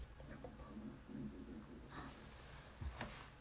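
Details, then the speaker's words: Adult's stomach after about 3 hours of livestreaming without dinner: low, gurgling rumbles with a few brief squeaky notes, ordinary hunger stomach growling (borborygmi). "duydunuz mu? Akşam yemeği yemeden 3 saattir canlı yayın yapıyordum"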